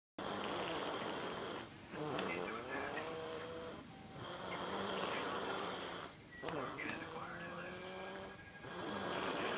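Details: Rhythmic flapping, slapping, buzzing snores, about 14 a minute, over steady room hum; ordinary snoring.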